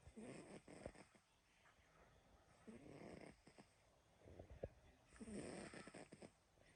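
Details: Sleeping animal snoring: soft, fluttering snores with snuffling clicks a few seconds apart in a quiet room.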